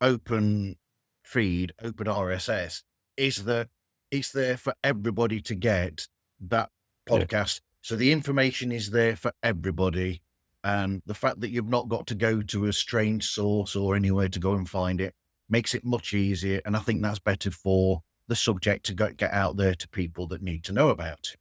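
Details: Adult man speaking; Normal connected speech.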